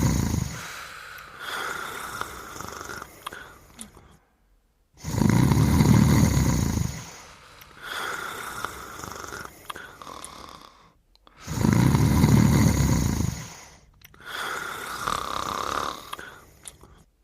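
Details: Snoring of a character and her dog sleeping together: loud rattling snores alternating with softer snoring breaths in a steady rhythm, about every three seconds.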